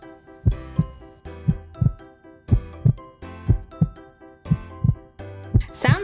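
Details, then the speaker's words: Toy stethoscope heartbeat sound effect in simulated play with a toy kitten, not a real patient: steady paired thumps near 58 a minute with a music box behind. "like a good strong heartbeat time for you little kitten it's really okay"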